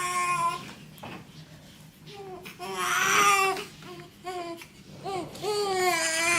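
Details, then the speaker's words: Short, tuneful bursts of crying with pauses in a small quiet hospital room from a newborn boy within his first 24 hours, while his father practises swaddling; ordinary newborn cry. "Don't worry about him crying. You just know."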